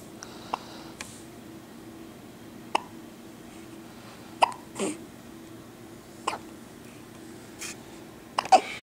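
Several short, sharp, catching sounds at irregular intervals over quiet room noise, consistent with hiccups.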